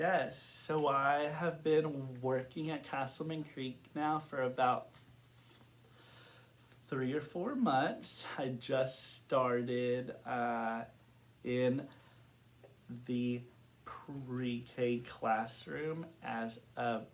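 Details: Adult man who has stuttered since kindergarten, reporting blocks and varying severity. Stuttering.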